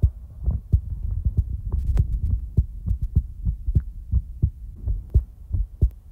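Steady, soft, low thumps of a heartbeat close to the microphone, with a low hum behind them; a calm, regular heartbeat.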